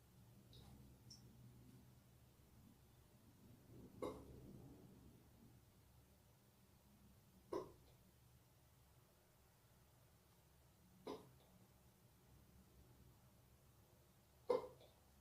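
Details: Man with fast hiccups in a bathroom: four sharp, brief throat clicks about 3.5 seconds apart, roughly 16 a minute, over quiet room hum.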